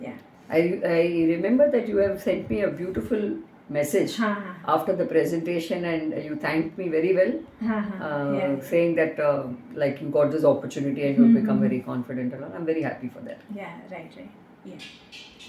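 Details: Adult speaker in conversation; ordinary speech.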